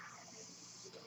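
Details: Airflow from the podcaster's own mechanical ventilator, audible while speaking.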